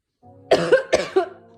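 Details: Person with sore throat since the morning, fearing another infection: two short, harsh coughs in quick succession, with a faint background hum; cough.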